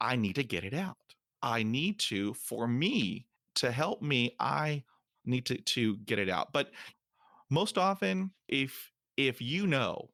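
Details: Man almost 50 who stutters, including when alone, and says his stutter is not caused by nervousness; stuttering.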